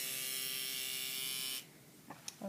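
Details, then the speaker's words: Microneedling pen on a client's face, set back to 0.5 mm depth to blend after 0.25 mm on forehead and nose: steady high-pitched electric buzzing about 1.5 seconds, then stops; pen in operation. "I'm gonna go back up to 0.5 then blend it in a little bit"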